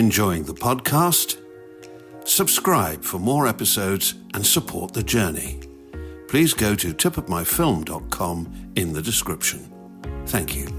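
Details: Adult male speaker; normal speech.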